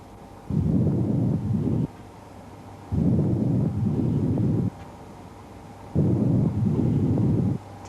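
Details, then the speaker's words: Stethoscope diaphragm placed on the upper vertebral (back) area: harsh, hollow breath sounds at about 21 breaths a minute with a brief pause between inspiration and expiration: bronchial breath sounds. "การฟังซาวทางด้านนะคะที่vertibareaส่วนบนเราจะได้ยินbronchialbreastsoundนะคะแนบสโทสโคปทางด้านdiฟรมลงกับchสวแล้วก็ฟัง"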